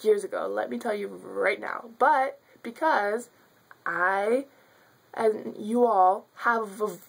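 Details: Adult woman who has stuttered since childhood, speaking spontaneously; stuttering.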